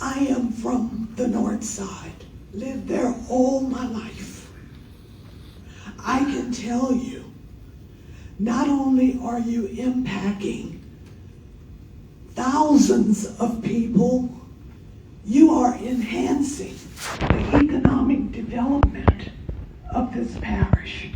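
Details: Adult woman with spasmodic dysphonia, speaking in public comment. Spasmodic dysphonia.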